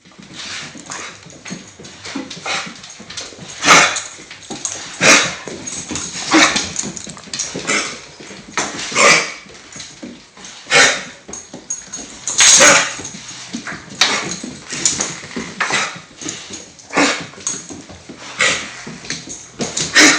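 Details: Female dog's harsh, hacking coughing fit; she has 30-second to 1-minute episodes two or three times a day, owner suspects kennel cough, and she remains in good spirits.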